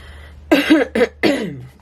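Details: A short run of three hoarse coughs in quick succession, with faint room hum, from a person isolating at home in Australia with COVID, with body aches and a head-cold feeling.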